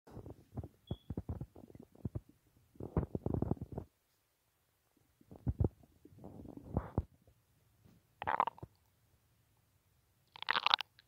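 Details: Person unable to sleep late at night due to restless stomach: gurgling, bubbling abdominal rumbles in bursts with brief quiet spells, active bowel sounds.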